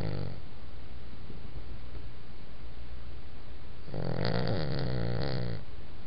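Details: Sleeping dog snoring: low, rumbling snoring breaths, one brief and one longer, over a steady background hum.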